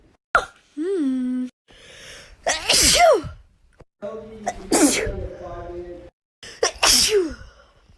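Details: Three wet sneezes, each preceded by a voiced, drawn-out gasping intake and ending in a loud spraying burst.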